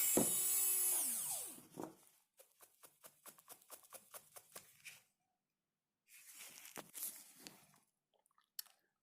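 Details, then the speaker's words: Dental high-speed handpiece on a typodont mandibular first molar (#36), full veneer crown preparation, mesiobuccal cusp reduction: high-pitched whine, then rapid grinding bursts as the bur cuts. "So we'll start with the mesiobuccal cusp. So from the groove you have to like slide down towards the mesial surface."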